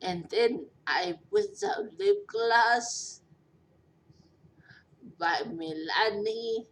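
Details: Post-stroke dysarthria in a 43-year-old woman after a major stroke with a long recovery.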